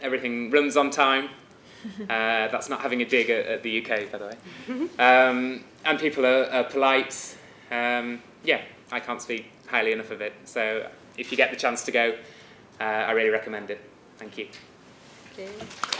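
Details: Adult male speaker; normal speech.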